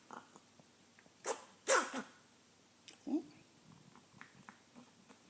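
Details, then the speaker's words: A chicken with recurring day-long episodes of raspy breathing, sneezing and gurgling gives two sharp sneezes, a snuffle, then faint clicks and gurgles. She is eating, has no weight loss and no eye discharge; owner suspects allergies. "she's eating she's really raspy and she sneezes and she gets us every once in a while that's about a day and she's better right"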